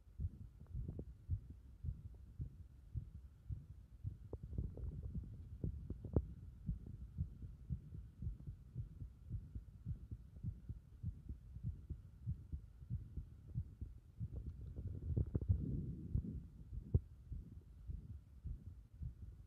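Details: Heart sounds recorded while the chest is repeatedly pressed in: quiet, repeated low heart thumps mixed with rubbing and handling noise.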